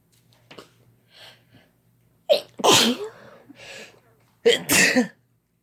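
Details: Two loud, explosive sneezes, each after a brief sharp in-breath, quiet breathing before; sneezes by two people sneezing together, triggered using chhinkni.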